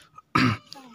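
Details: Young child coughing while playing, then crying: a single short, harsh cough burst with faint room noise around it.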